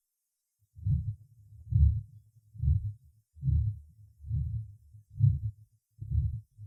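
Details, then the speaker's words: Functional systolic murmur at the third auscultation point, in a healthy young patient with vegetative-vascular dystonia: regular heartbeat about 68/min with a soft systolic murmur, often conducted into this area. "прослушайте систолический шум в третьей точке аускультации у здорового молодого пациента с вегето-сосудистой дистонии"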